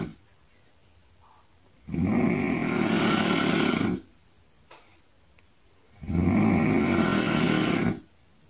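Two loud, rough, rattling snores on inhalation about four seconds apart, roughly 15 breaths a minute, with quiet gaps between.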